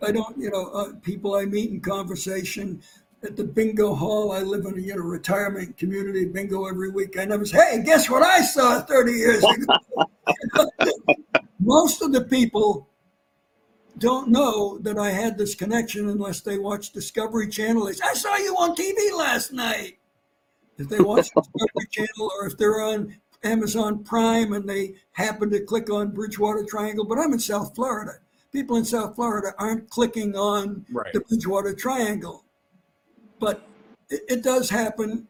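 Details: Dysphonia in an adult man after vocal cord cancer and operations; he lost his voice, it partly returned, and his voice does not carry far.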